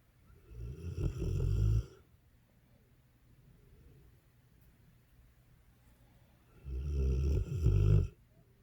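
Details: Dogue de Bordeaux snores with loud, low rattling snores in two long bursts separated by quiet pauses; ordinary snoring in a dog.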